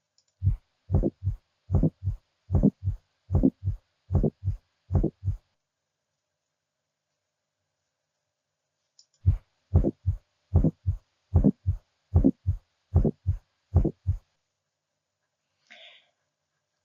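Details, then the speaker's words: Aortic area: regular heart sounds about 75/min, single S1 followed by a shorter, higher-pitched aortic ejection click mimicking a split S1, from thickened aortic leaflets, as in bicuspid valve. "so it's a single first heart sound S1 followed by an aortic ejection click can also mimic that split first heart sound"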